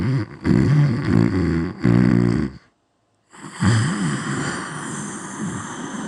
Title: Loud snore